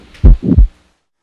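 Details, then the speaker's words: Stethoscope at the left lower sternal edge with the patient leaning forward, checking for the diastolic murmur of aortic regurgitation: one heart cycle with a soft rushing murmur between two low heart sounds. "Here you should hear the characteristic diastolic murmur of aortic regurgitation. Remembering though, that the systolic murmur of hypertrophic obstructive cardiomyopathy will also be loudest"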